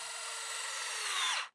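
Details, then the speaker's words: Brief high-pitched drill whine rising in pitch, then cutting off: a powered intraosseous needle drilled with gentle pressure through the bone cortex, in a pediatric EMS protocol demonstration. "So we push down, we locate and make sure that our black line is visible and then with very gentle pressure we"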